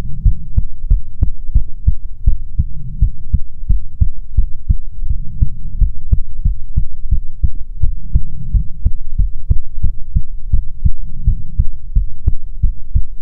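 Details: ASMR heartbeat recording: steady, regular low thumping heartbeat at about 95 beats a minute, soft background hum; normal heartbeat.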